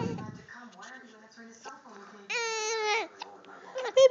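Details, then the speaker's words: Baby girl with hiccups, recorded close up: soft fussing and vocalizing that builds into a brief, high, wavering cry; an ordinary infant cry. "oh just recording fussiness how boring is that"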